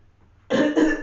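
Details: Cough.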